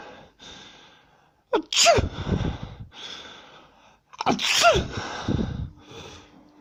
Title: Girl sneezing